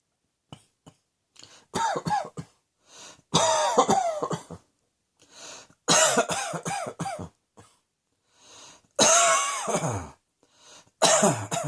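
Repeated harsh cough bouts, several coughs per bout with throat clearing between, in a small quiet room.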